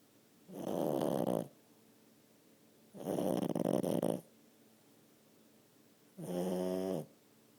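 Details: Snoring from a sleeping 10-month-old French Bulldog: loud, harsh rattling snores, about three breaths every three seconds.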